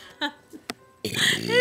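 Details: Friends deliberately burping on cue in a contest, one complaining a burp is stuck and hurts: a few short throaty bursts, then a loud, sustained voiced belch.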